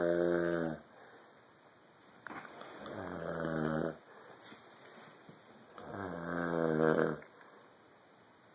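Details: Dad snoring while asleep on the couch: deep, rattling snores on each breath, about 19 a minute, with quiet pauses between; snoring.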